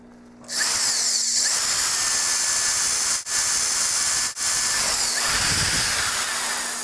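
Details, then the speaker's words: Dental implant drill: steady high-pitched whine with two brief dips as a 2 mm drill with a 7 mm stop cuts an osteotomy at the second premolar region of a plastic teaching model, hammerless crestal sinus lift technique. "you have the beginning of our two millimeter osteotomy here to a depth of seven millimeters again or stopper prevents us from going any deeper"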